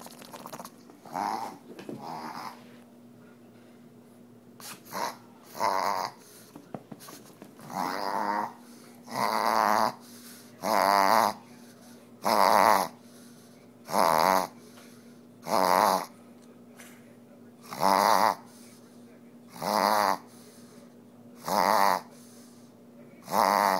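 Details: Pug reverse sneezing after a bath, as she does after every bath; owner attributes it to post-nasal drip. Repeated loud, honking snorts drawn in through the nose.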